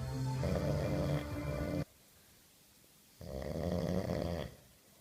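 Two long, loud, rattling snores with a pause between, and music faintly underneath. Snoring.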